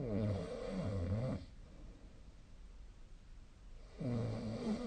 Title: 🐽 本日のイビキ / Snoring Sleep Sound 2025/02/17